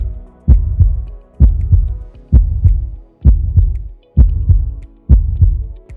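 Regular paired lub-dub heartbeats at about 65 beats a minute, a normal heart rhythm.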